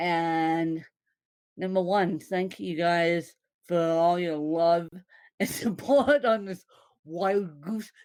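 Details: Possible dysarthria in a woman born with cerebral palsy (congenital); no speech disorder is named by the source.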